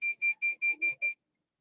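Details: Six rapid high-pitched electronic beeps in a repeating alarm pattern, a PEEP alarm on a MASI mechanical ventilator shown during a training demonstration.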